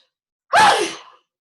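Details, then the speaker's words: Single loud, sharp adult sneeze, a sudden explosive burst of air that fades quickly, described as a double sneeze that shook the house; sneeze. "Sorry. I got double barrel there. I could hear it from here as well. The whole house shook."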